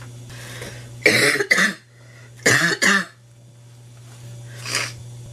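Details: Sick, stuffy woman with a nasty cold coughing relentlessly: two paired, harsh coughing bursts with a hoarse, barking quality over a steady low background hum; barking cough.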